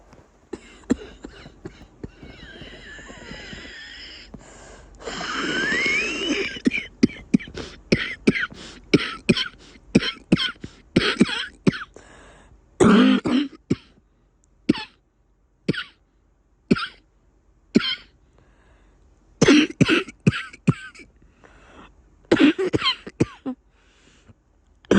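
Repeated short, harsh cough bursts with a wet, rattling quality and a long noisy breath between spells.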